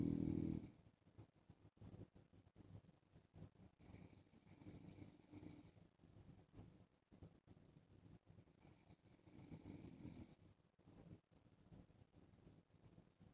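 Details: Adult man (husband) snoring while wearing a mask: soft, faint snoring over two slow breath cycles, on a crackling, quiet recording.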